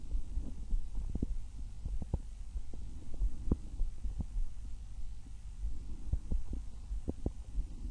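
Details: A person's own normal heart and breath sounds recorded through a stethoscope at one of six chest sites: low, irregularly spaced thumps over a steady low rumble and hum.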